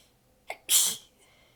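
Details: Short catch of breath, then a single hissing, partly held-back sneeze in a quiet room. Part of a prolonged sneezing fit; the person is exhausted with sore abs and biting the sneezes back. The fit was recorded in changing positions.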